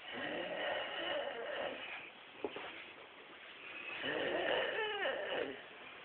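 Two long, buzzing breath sounds a few seconds apart, the second ending in a snort: snoring.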